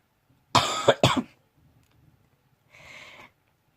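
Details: Two harsh, loud coughs in quick succession, then a softer breathy exhale: a short coughing episode from a person who says they have been very, very ill and still are.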